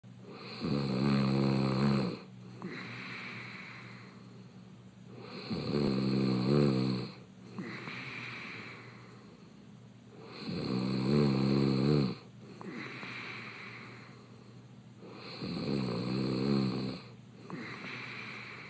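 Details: Man, a reality-show contestant, snoring with his mouth open in bed: loud, vibrating inhaled snores, each followed by a softer breathy exhale, about 13 breaths a minute; open-mouth snoring.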